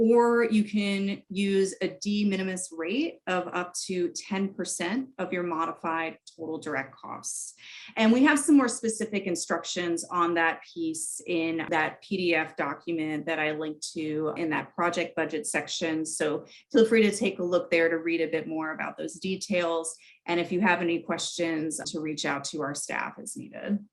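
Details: Adult woman speaking; typical speech.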